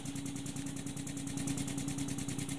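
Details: High-frequency oscillatory ventilator demonstration, power raised to increase Delta P (peak-to-trough pressure) to 60–65: rapid, even whooshing pulses about eight to nine a second over a low drone.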